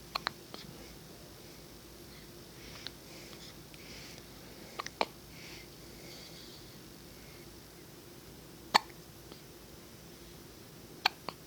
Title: Linus and his adorable hiccups!